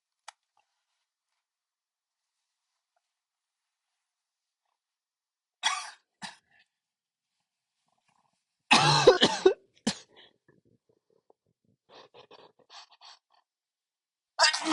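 Several sharp, explosive bursts separated by quiet pauses, one loud and prolonged, with softer breaths between: repeated sneezing.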